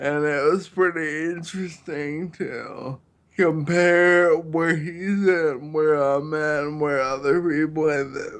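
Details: Ataxic dysarthria in a man with Friedreich's ataxia, a neurological disease affecting balance, coordination and his speech.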